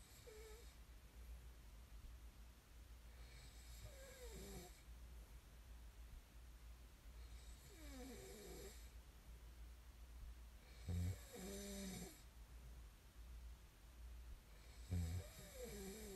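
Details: Snoring recording made as sleep ASMR: soft, somewhat irregular snoring at about 15 breaths a minute, with low room hum in the background.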